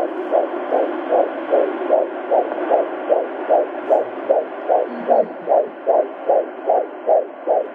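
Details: Rapid, regular whooshing pulses of a normal fetal heartbeat, about 150 beats a minute, with 153 reported.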